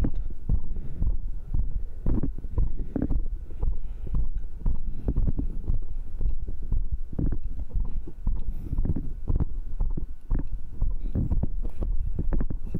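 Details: Adult's own heartbeat recorded with a microphone right after the final workout round (dips, crunches, cross pulls, arm curls), measured rate 132: fast, deep regular thumps, a normal rapid heartbeat after exercise.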